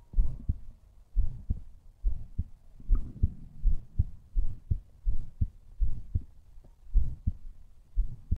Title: MY HEARTBEAT